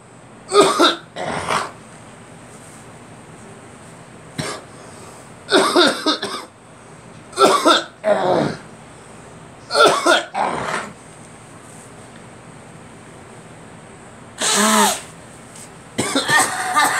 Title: Me coughing